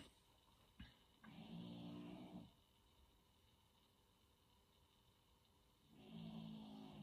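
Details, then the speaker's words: Snoring from a sleeping English bulldog, prone to snoring: two long, rough, rattling snores separated by a quiet pause, over steady low room hum. "alors désolé si vous entendez ronfler derrière c'est mon chien mon chien qui c'est un bog anglais ça tendance à ronfler"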